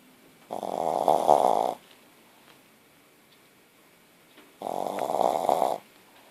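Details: 9-month-old puppy snoring, owner notes her tonsils are very large: two loud, buzzing snores about four seconds apart in a quiet room, with silence between breaths.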